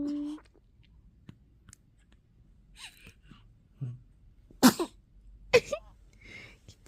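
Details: 3-day-old newborn's first-ever sneeze: two short sharp bursts close together with small infant sounds and faint fussing in a quiet room.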